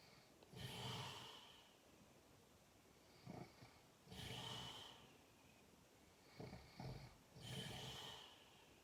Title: Ngorok/ Snoring kayek Suara Harimau 😂😂